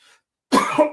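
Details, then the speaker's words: An adult talking live gives a single short, harsh cough burst while clearing something that went down the wrong way: a choking cough after aspiration. "Excuse me. That went down the wrong way."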